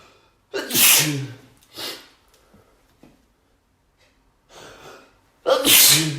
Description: This is the End of a fit with about 25-30 sneezes.